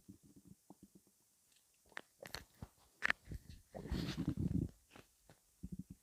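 Irregular gurgles, squelches and a longer rumbling gurgle from the abdomen, typical of ordinary bowel sounds.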